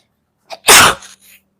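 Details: Single loud, explosive sneeze after a short in-breath, from a compilation of girls' sneezes.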